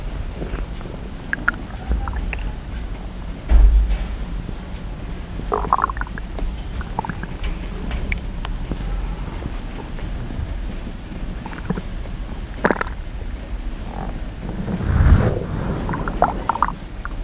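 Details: Stomach growling (borborygmi): low gurgling, sloshing and occasional crackling over a steady low background rumble.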